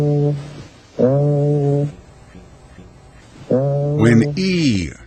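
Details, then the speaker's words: Egophony on chest auscultation in a teaching demonstration: the patient's spoken "ee" is heard as a nasal, bleating "ay", suggesting underlying lung consolidation. "like a and has a nasal quality as in this example egophony is present suggesting underlying consolidation of lung tissue"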